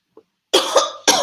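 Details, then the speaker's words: Adult speaker during a live talk, two sharp, harsh cough bursts after a brief soft sound, cause unknown, wondering about COVID going around; dry-sounding cough. "don't know where I get this cough from."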